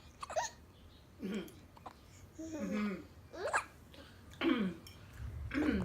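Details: Baby with hiccups, said to be copying his sister's hiccups: short, jerky vocal catches mixed with babbling, about one a second and irregular; infant hiccups.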